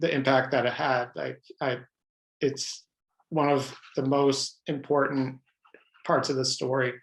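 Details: Adult man who has stuttered all his life, speaking in an interview; his pattern is mostly blocks, and he describes highly variable stuttering with hundreds of different ways he stutters; stuttering.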